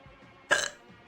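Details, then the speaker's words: Streamer with hiccups after eating too fast, complaining it is sore and hurts: a single brief burp over faint background music; burping. "Oh, jeepers, it's so sore. Oh my god. Sorry, it's so... it hurts. Eating too fast, indeed. I ate way too fast."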